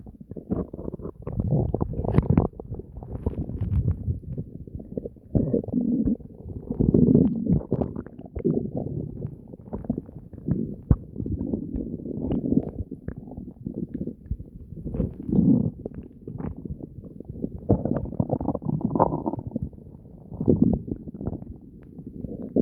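Continuous gurgling with repeated deep growls throughout: active bowel sounds, ordinary stomach noises.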